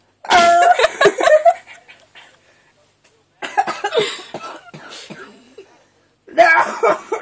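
Strained, partly voiced bursts of an adult trying to hold back a cough, then coughing and throat clearing.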